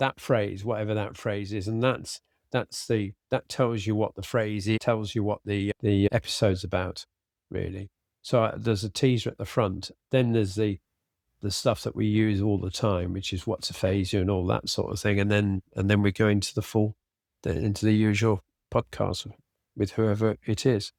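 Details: Adult man with aphasia following a sudden stroke, treated with speech and language therapy; residual word-finding difficulty, cannot read a script, fatigues as the day wears on.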